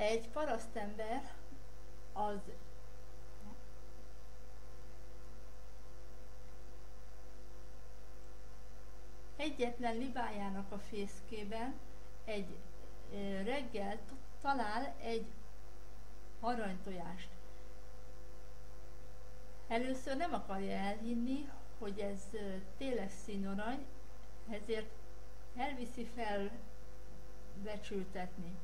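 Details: Adult woman's earlier recording of herself; she attributes her blocks to vocal cord tension under stress; long silent pauses mid-sentence; stuttering with silent blocks.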